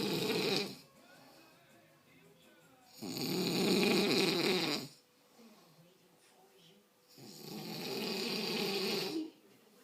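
Three long, loud, rough snoring breaths separated by quiet pauses, about 14 a minute; a pig snoring.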